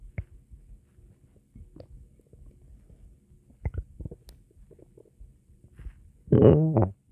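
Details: Ordinary stomach growling (borborygmi): scattered soft gurgles, then a louder, drawn-out growl near the end.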